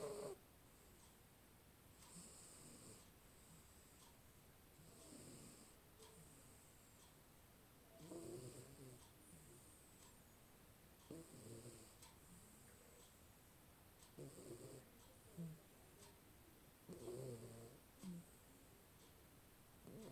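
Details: Sleeping Maine Coon cat snoring, recorded on a Xiaomi Mi 10 Pro phone: soft, rattly snores about every three seconds, roughly 20 breaths a minute, over steady background hiss.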